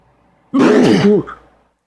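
One loud, rough, voiced throat-clearing lasting under a second, in a quiet room.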